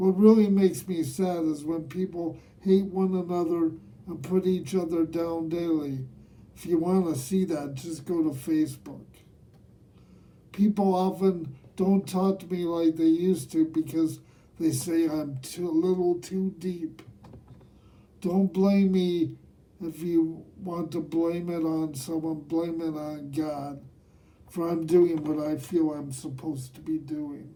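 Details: Man aged nearly 67 who has lived with cerebral palsy; dysarthria (cerebral palsy).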